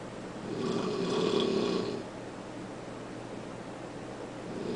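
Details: Husband snoring upstairs in the bedroom, recorded from the downstairs kitchen: one loud, rough, rumbling inspiratory snore over quiet room noise.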